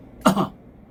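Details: Voluntary cough from an adult, done deliberately as a self-treatment exercise for vocal fold paralysis to practice vocal fold closure: a single short, light cough.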